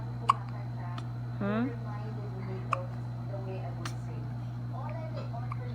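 Two sharp, abrupt hiccup sounds about two and a half seconds apart, over a steady low hum and faint voices; hiccups.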